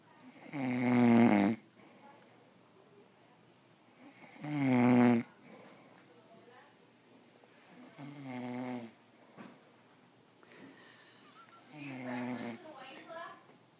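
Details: Man after Christmas dinner and whiskey: loud, deep, throaty inspiratory snores, about 17 breaths a minute, fading in later breaths; snoring.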